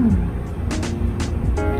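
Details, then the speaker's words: Normal fetal heartbeat heard on Doppler ultrasound at 25 weeks of pregnancy (7th month), during a routine prenatal check; examiner says the heartbeat is normal. "심장 소리 들어볼게요. 어이구, 놀다. 어이구, 놀다. 정상이에요."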